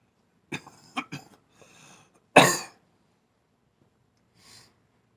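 Several rough, wet-sounding coughs followed by a loud throat-clearing cough, typical of chest congestion.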